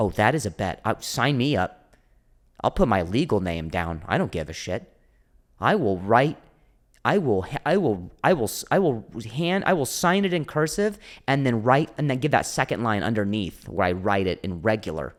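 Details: Adult male comedian who stutters (speech impediment), speaking on a podcast; audible repetitions; stuttering.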